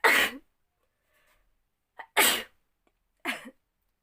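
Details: Three sharp, breathy sneezes in quick succession, the second with a brief catch, deliberately induced in a sneezing challenge by tickling the nose with a folded piece of paper.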